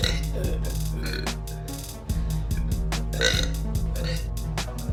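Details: Girl burping: one long, loud, low rumbling belch broken into pulses, with music underneath.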